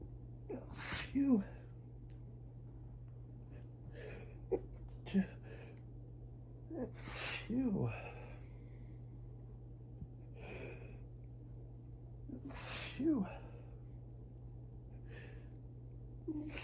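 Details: Early-morning (about 6am) rapid-fire sneezing fit during high grass-pollen allergy season, allergic rhinitis; about four sneezes in close succession with quick catch-breaths, starting soft and growing stronger and wetter, over a low hum.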